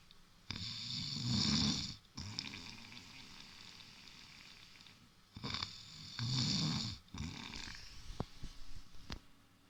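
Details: Snoring: heavy, rattling snores with noisy hissing breaths in a small room, with a few faint clicks near the end.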